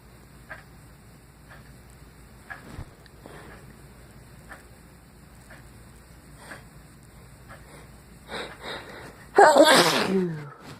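Quiet sniffs and short breaths build up, then one loud explosive sneeze at the end.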